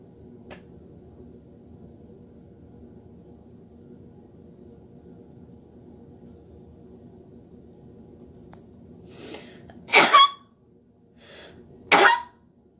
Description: I sneezed while recording a speech.